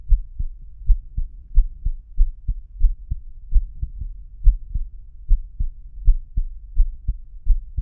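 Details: Steady, deep lub-dub heart sounds, about 75 beats a minute, with a low background hum; a person's own normal heartbeat recorded with a homemade stethoscope fitted with a lavalier microphone.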